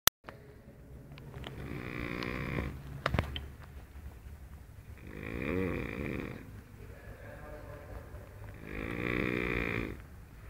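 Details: Man snoring hard: three loud, rattling, fluttering snores on the in-breaths, about 17 breaths a minute, with quiet pauses and a few soft clicks.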